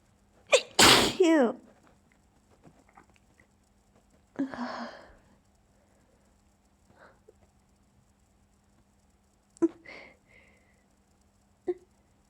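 A loud sneeze followed by several softer, stifled sneezes, each a sharp burst of breath through the nose and mouth.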